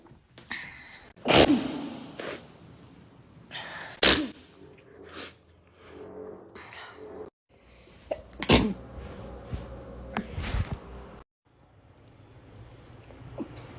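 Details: Person sneezing into her elbow, compilation: about four sharp, somewhat muffled sneezes, each preceded by a quick catching inhale, with quiet room noise between; ordinary sneezing.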